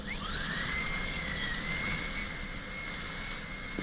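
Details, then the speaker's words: High-speed dental handpiece whine dipping slightly as it cuts, on a manikin (simulated patient) Class II preparation: smoothing the connection, preserving the distolingual triangular ridge and flattening the pulpal floor. "to preserve a little bit on the distolingual Triangular Ridge flatten the floor a little bit"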